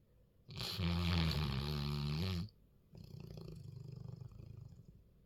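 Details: Male Golden Retriever snoring a lot while a female sleeps quietly: one long, loud, deep droning snore, then a softer fluttering snore after a brief pause; snoring.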